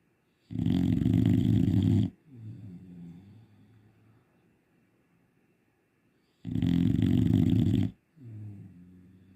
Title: Snores like a tractor! #dog #shorts